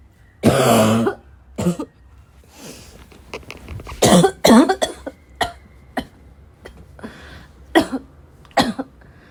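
An adult gives a run of harsh, forceful coughs with throat clearing in between, a fit of barking cough.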